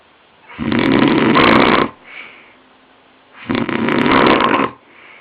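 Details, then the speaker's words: Man who denied snoring, later diagnosed with chronic sleep apnoea, snoring during sleep: two loud, rough snores with a quieter breath out between them, at roughly 23 a minute. Heavy snoring. "He swore he never snored... ...so I filmed him. Loud, isn't it? But he's only warming up."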